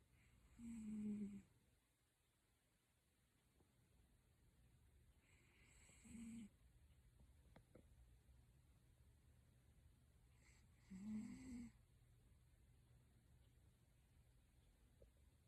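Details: 19-year-old cat snoring while asleep: three soft snores with a faint whistle, roughly every five seconds, over quiet room hum.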